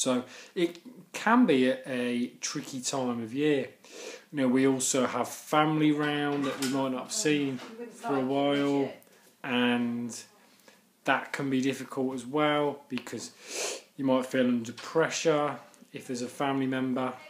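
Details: Adult man who stammers; stuttering (stammering).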